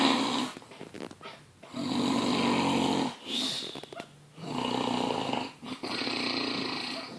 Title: BIG SNORE FROM THE SHORE